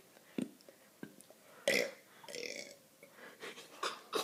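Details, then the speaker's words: 7-year-old girl deliberately burping more than 20 times, a habit begun while drinking Sprite: several burps in a row, one long and loud, in a quiet room. "hi my name is and I am going to burp more than 20 times"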